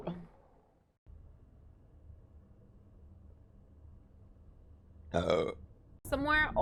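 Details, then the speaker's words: Two loud, drawn-out burps from a female streamer during a live stream; she apologises that there is a lot of gas. Quiet, hissy room background. "sorry guys there's a lot of gas and that happened"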